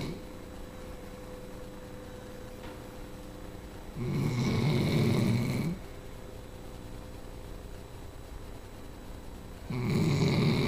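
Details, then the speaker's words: Sleeping female Labrador: two loud, rumbling snores about six seconds apart, with quiet breathing between; snoring. "There's a snoring girl. Your big snores. Big sleepies babies."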